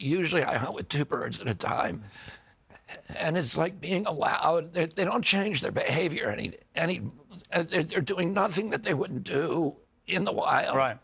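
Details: Adult man with a neurological disorder he calls spasmodic dystonia, caused by an injury in 1996 at age 42. Signals make his vocal cords tighten constantly; it is not a tissue injury. Kyoto surgery about eight months earlier improved reliability; now doing alternative therapies. Spasmodic dysphonia.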